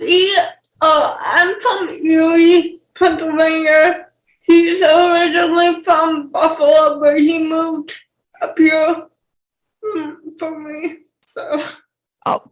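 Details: 28-year-old woman with cerebral palsy who has dysarthria.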